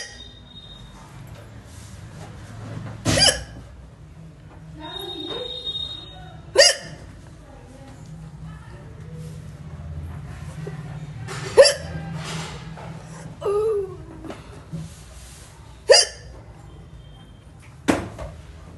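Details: Natural hiccups: six sharp, abrupt catching sounds roughly every three to five seconds.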